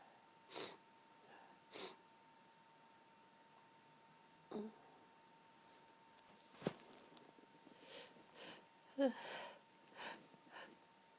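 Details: Stifled sneezing from allergy (sensitive, tickling nose): quiet muffled bursts with sniffs and soft build-ups in between, held-back and half-stifled sneezes in a quiet room.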